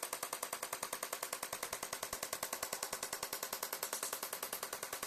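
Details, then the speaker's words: Radial shockwave therapy device on the quadriceps (thigh) muscle during treatment for patellar tendinopathy: rapid, very regular sharp tapping pulses at about 200 a minute; twitches seen over tight trigger-point spots; usually 400–500 pulses per spot, once weekly. "that's the spot they maybe have been massaging on their own with the shock wave little Twitches hopefully mean it's relaxing a little bit"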